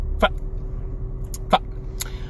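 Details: Adult man with Tourette syndrome: short, abrupt, hiccup-like involuntary vocal noises over a low room hum; simple vocal tics.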